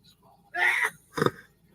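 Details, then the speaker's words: An adult on a livestream takes a breathy, rising intake, then gives a sharp explosive burst of air: a single sneeze. "always got the sneezes i bet you can hear that all right kevin"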